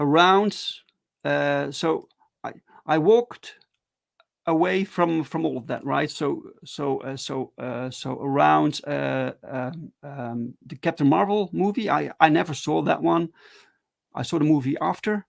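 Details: Adult male with stuttering, speaking live in a solo stream; stuttering.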